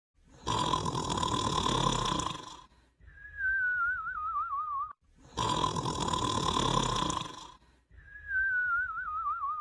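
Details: Sleeping person gives loud rattling inhaled snores alternating with a wavering high whistle on each exhale; snoring with whistling.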